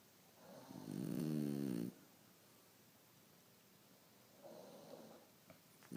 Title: Frenchie Snoring